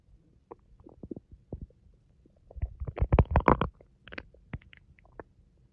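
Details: Stomach growling: bubbling, gurgling rumbles in quick irregular bursts, loudest midway; normal borborygmi from gas and fluid moving through the gut.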